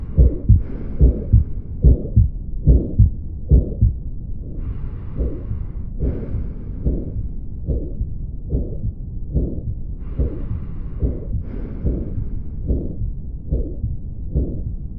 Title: Aortic stenosis/ Sound of Auscultation/#internalmedicine